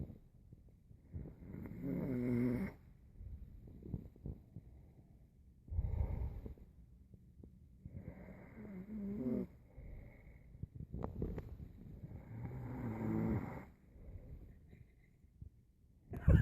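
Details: Person snoring heavily: repeated low, fluttering snores about every three to four seconds, roughly 16 a minute, in a quiet room.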